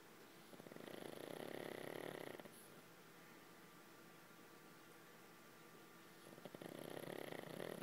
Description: Lenny the pug gets woken up during a snoring session.